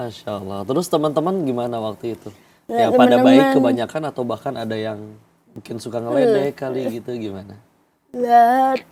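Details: Adult interviewer, Indonesian; ordinary fluent speech.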